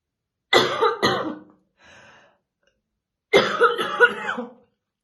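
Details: Woman's real, unacted smoker's morning cough while slowly brushing her hair: two bouts of deep, harsh, rattly coughing separated by a quiet breath.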